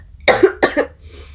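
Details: Two harsh, fairly dry cough bursts in a quiet room from an adult sick with COVID-19, probably the omicron variant, with cough, cold, sore throat, fever, chills and fatigue.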